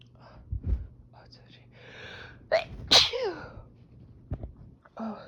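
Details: Sneezing fit with a sharp explosive burst amid sniffly breaths and exclamations; the sneezer reports a tickly, itchy nose and sinuses, watery eyes, runny nose and stuffiness, and a cat meowing in the background.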